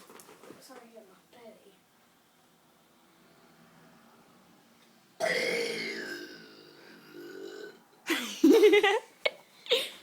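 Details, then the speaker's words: Boy deliberately burping: quiet murmuring, then a long, loud, drawn-out burp followed by a few shorter burps. "And this is a burping video. Everyone says mine and corners are really big."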